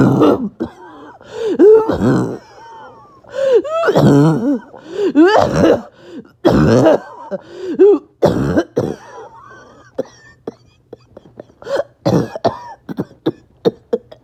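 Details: Repeated harsh, throaty coughs with strained groaning and high-pitched whistly sounds between bursts, after a bad 48 hours; barking, wheezy cough.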